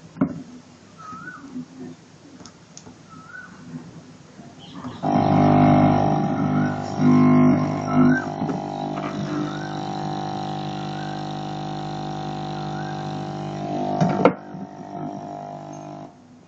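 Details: A low buzzing motor drone starts, runs steadily for about nine seconds, then stops: a prototype topical ozone therapy device, still a work in progress, running to deliver ozone into a wound bed.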